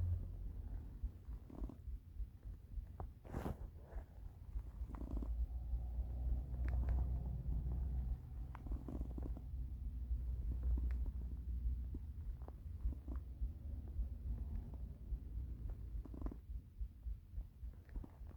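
Low, irregular gurgling and rumbling from the belly, typical hunger rumbling, a normal finding.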